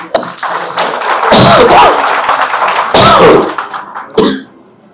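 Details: A chief minister coughs repeatedly during a speech at a Rajiv Gandhi birthday event and is offered water: two loud, harsh cough bursts into a microphone, with voiced straining and room noise between them.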